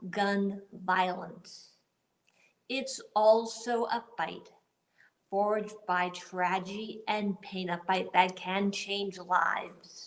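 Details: Adult woman with aphasia and paralysis after a gunshot wound to the head in the 2011 Tucson shooting, 10 years post-injury, reading a prepared speech; auditory comprehension is a strength, while word retrieval and sentence building are impaired; finding: aphasia.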